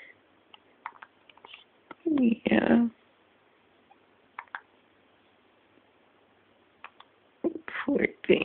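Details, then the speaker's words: Hiccups in a 10-day-old baby girl: soft, brief catching sounds at irregular intervals between quiet gaps, with a louder drawn-out yawn-like sound in the middle. "Poor girl. Poor girl. You have the hiccups."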